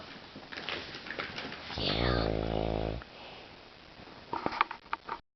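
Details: One loud, rattling snore on an inward breath from an adult man (a father) asleep at a cottage, with quieter breathing and room noise around it; he claims he doesn't snore; snoring.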